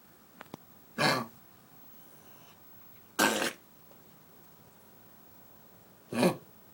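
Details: A dog with kennel cough gives three separate harsh, dry coughs a few seconds apart; the owner notes the coughing stops when she lies down and stays still.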